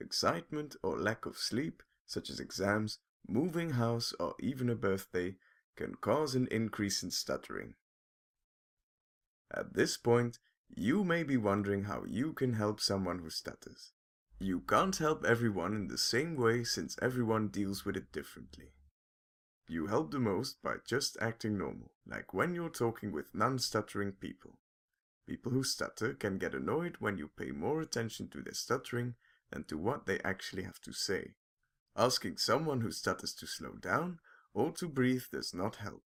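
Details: Adult narrator; typical fluent speech.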